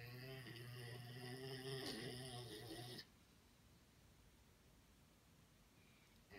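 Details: Sleeping Labrador dog, snoring loudly (owner jokes it needs a CPAP): one loud, buzzing, fluttery snore lasting about three seconds, then quiet; snoring.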